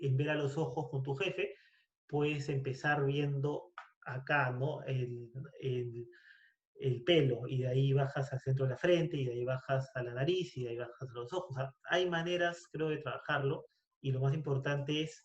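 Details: Adult person who stutters, in a Spanish-language podcast conversation between two people who stutter about how variable stuttering is; audible word and part-word repetitions; stuttering.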